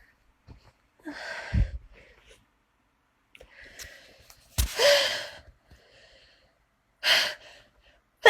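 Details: Person sneezing three times: several sudden explosive bursts of breath, each after a short intake, repeated over a few seconds.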